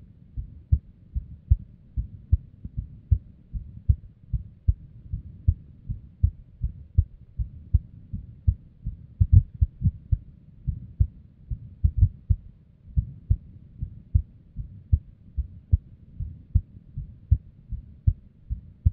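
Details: Female at rest with an unstable heartbeat and abnormal beats: low heart thumps with uneven spacing and some extra or early beats, an irregular rhythm.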